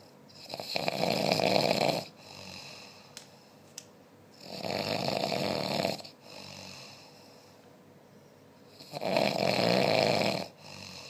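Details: Loud, rattling snores on each breath in, about three in eleven seconds, with quieter breaths out between; ordinary snoring.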